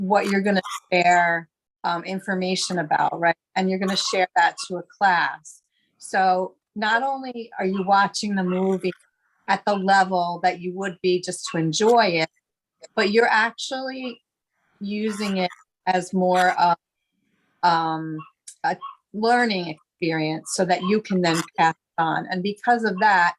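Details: Adult woman speaking; fluent conversational speech.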